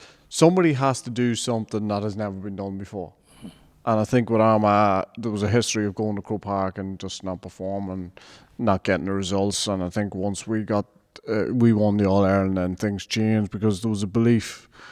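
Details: Adult man speaking; normal speech.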